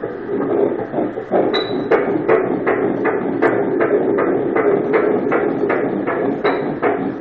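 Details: Ultrasound Doppler at seven weeks of a twin pregnancy, heartbeat of the twin on the mother's right side: fast, regular whooshing pulses, about 158 a minute; fetal heartbeat.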